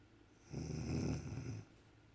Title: two week baby staring at mothers snoring